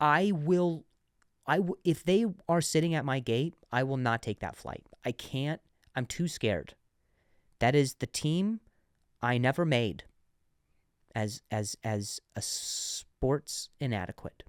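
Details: Adult man who stuttered and says he still sometimes stutters, though less than before, and mentions working with a speech therapist; stuttering.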